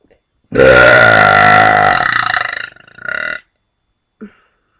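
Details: Deliberate burping kept on the quiet side; one long, loud, voiced belch of nearly three seconds, then a shorter second belch.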